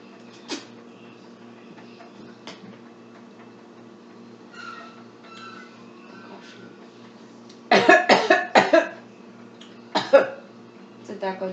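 Quiet room, then a burst of several coughs and throat clearing right after swallowing a solid bite, a sign of difficult swallowing.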